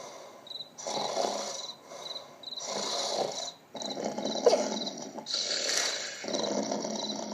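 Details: Simulated, cartoon-style snoring from an animation: rhythmic rasping breath bursts alternating with short whistling tones, not a real sleeper.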